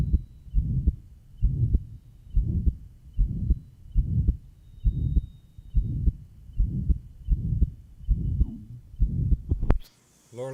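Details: Johns Hopkins heart sound laboratory recording from 1955. Pure pulmonary stenosis: regular rhythm near 75/min with a long, harsh crescendo-decrescendo systolic ejection murmur. Diastolic "whisp" at the third left sternal border.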